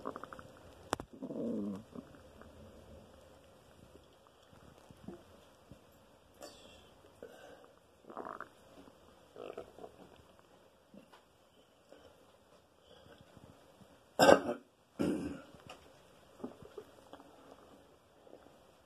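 Irregular gurgling rumbles and squeaks from the belly, a few loud bursts among quieter ones; loud bowel sounds from normal gut movement.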